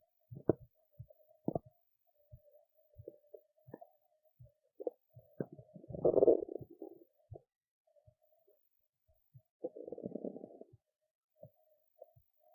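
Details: Belly sounds after a skipped lunch, with hunger: gurgling pops and longer rumbling growls in a quiet room. Ordinary hunger stomach rumbling (borborygmi).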